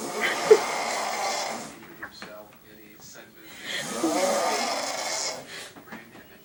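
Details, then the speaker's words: Brother snoring in sleep at about 3:20 a.m., loud enough for neighbors to hear: loud, harsh, noisy snores on each inhalation, about 16 per minute, with quieter breathing between them. "go okay we're at my house it is approximately um 3:20 a.m. and my brother's snoring so we're going to go videotape him cuz he doesn't think he's snor so let's go"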